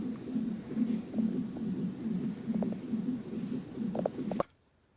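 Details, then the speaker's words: Fetal heartbeat on a Doppler monitor during labor induction of a first-time mother's baby girl: rapid whooshing, galloping pulses, about 136 beats a minute, a normal fetal rate. "you can hear my baby's heartbeat in the background she has been so excited since we got here"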